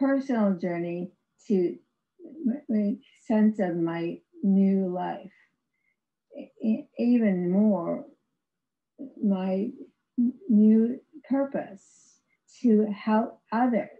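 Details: Non-fluent aphasia in an adult woman after a severe stroke in 2010, about 11 years earlier; she had no speech for three years and has ongoing speech difficulty, described as severe aphasia.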